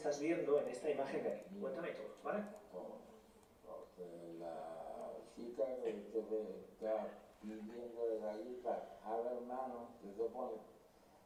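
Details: Spanish-speaking male patient with Broca's aphasia; articulatory impairment requiring effortful mouth control to speak.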